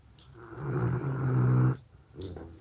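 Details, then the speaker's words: One of four rescue dogs, asleep, gives one long, deep, rumbling snore on the in-breath, then a softer breath; snoring. "That was a good snore. Hopefully you heard that one."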